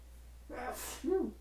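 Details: Adult with high pollen, pollen-filled flowers nearby and a persistent nasal tickle, sneezing non-stop all morning: a quick in-breath then one forceful, hissing burst with a voiced tail; a single sneeze.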